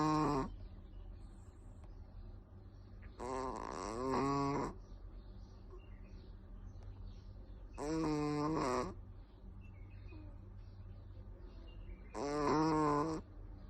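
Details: Sleeping Chihuahua dog snoring loudly: rhythmic rattling snores, roughly 14 a minute, with quiet breathing between them.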